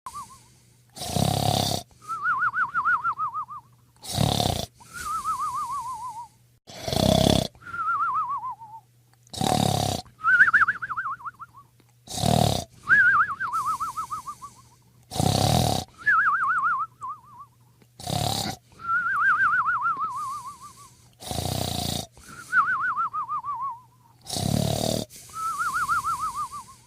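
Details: Cartoon-style snoring of a sleeping character: rough inhaled snorts, each followed by a wavering whistled exhale, about 20 per minute.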